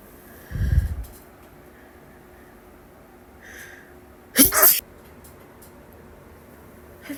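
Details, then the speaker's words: Two wet, spraying sneezes from allergies against quiet room noise, said to be a sneezing fit with spray; sneezing. "gonna sneeze. Gonna sneeze again."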